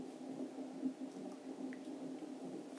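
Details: Fetal heart rate at 26 weeks plus 4 days of pregnancy, recorded by a midwifery student setting up CTG fetal heart monitoring: fast, soft whooshing Doppler pulses, a normal rate of about 138 per minute.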